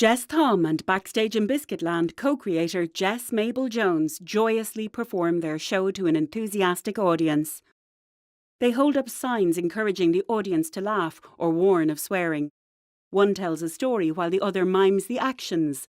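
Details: Adult narrator; normal speech.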